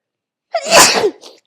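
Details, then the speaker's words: Young woman who has been sneezing all day and suspects an allergy rather than a cold: a single acted sneeze, a quick breath in, then a sharp, hissing burst of air. "Oh, thank God today is over. I've been sneezing like this all day."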